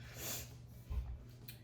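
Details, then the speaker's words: A sleeping dog snoring in an echoey, nearly empty room: a faint, brief snorting breath. "so we will see what happens with that um you can hear my dog snoring I don't know if you can hear"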